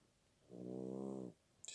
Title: щенок храпит))